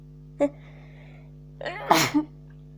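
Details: Person sick with a cold sneezing: short catch then a loud sneeze over steady electrical hum.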